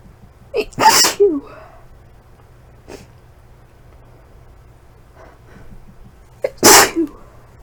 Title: Inducing sneezes after a month